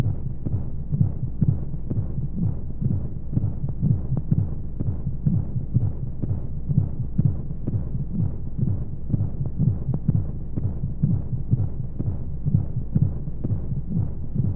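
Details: Womb-sound sleep aid for babies with white noise: steady low muffled thumping heartbeat at about 125 beats a minute over a constant low hum of flowing sounds, as heard from inside the womb.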